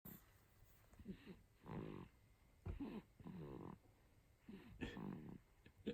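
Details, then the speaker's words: Two-month-old baby boy sleeping soundly: repeated rough, rattling snore-like sounds on breathing, about three breaths in six seconds; infant snoring. "びきがすごいね。いびきをかいて寝る祭りです。"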